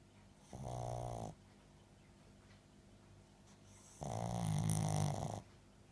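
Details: Two loud, buzzing in-breath snores, about a second or more each, with quiet breathing between, during an evening while watching TV; snoring.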